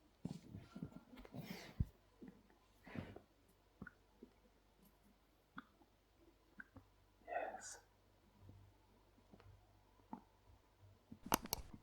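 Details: Adult male's hungry stomach recorded right next to the stomach: irregular low gurgles, soft sloshing and a brief squeaky rumble in a quiet room, i.e. stomach growling (borborygmi).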